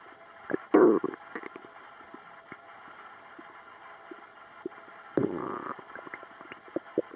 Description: My stomach was doing funny noises the other night. I recorded it.